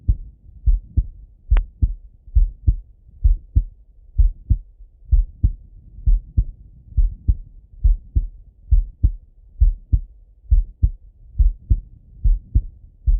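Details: Male heart auscultated with a stethoscope: clear regular lub-dub at about 68 beats a minute, one brief click; normal heart sounds.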